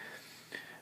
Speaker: that was my cat he just sneezed hope you can hear that